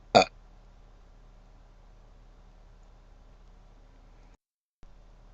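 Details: One short, loud burp, then near silence with faint room hum.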